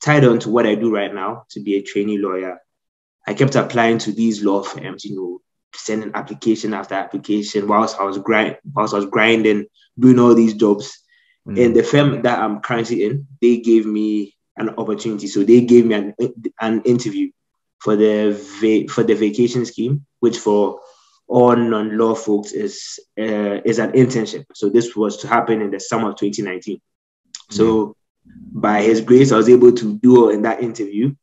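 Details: Stuttering since childhood in an adult man, severe while growing up, now managed after speech therapy; audible word repetitions.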